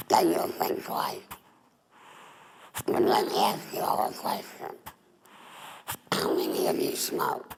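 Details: Adult woman, former smoker, with larynx removed for laryngeal cancer and a neck stoma: alaryngeal speech after total laryngectomy.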